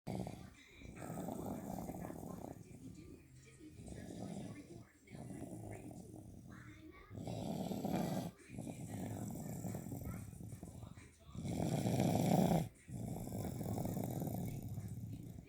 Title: Big Snores